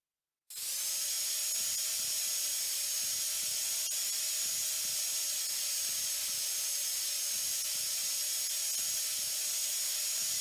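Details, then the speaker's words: Simulated dental drill from a haptic virtual-reality surgical skills simulator: a steady high-pitched handpiece whine over a constant hiss replicating water spray, as a student cuts a floating handheld tooth using mirror vision. "I hope you can hear the drill and you can see that it even replicates the water spray"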